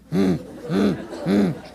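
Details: Lecturer in a critical care nursing lecture vocally imitates an aortic stenosis murmur: three harsh, rough hums about half a second apart, described as horribly harsh and radiating widely, typical in elderly women with valve calcification.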